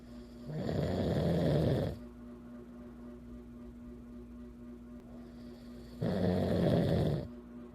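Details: Adult man sleeping with nasal snoring: two loud, low rattling snores on breathing in, separated by a quiet pause with a steady room hum.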